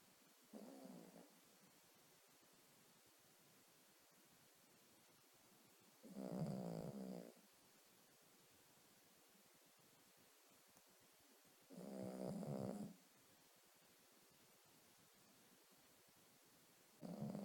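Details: Dog asleep on owner's bed in the morning: loud, slow, rhythmic snores about every six seconds, roughly 11 breaths a minute, over faint room hiss; snoring.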